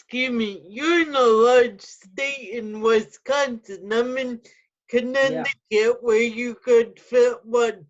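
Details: Adult with cerebral palsy with spasticity and quadriplegia, wheelchair user, speaking; dysarthric speech in cerebral palsy.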